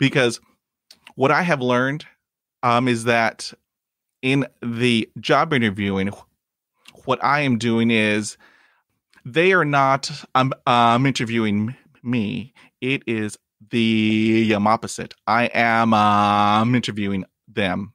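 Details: Stuttering in an adult man who stutters, speaking English; he reports blocks and repetitions in his own speech.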